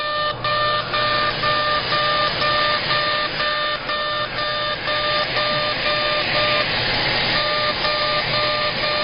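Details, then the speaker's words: CO2 UltraPulse laser in fully ablative mode, aggressive facial resurfacing at 100 millijoules and density six, starting up the midline during a face lift: steady hiss with regular tonal beeps, about two a second. "inous encore CO2 Ultra pulse laser we're using the fully ablative mode and we're going to do a pretty aggressive treatment here 100 millijoules and a density of six"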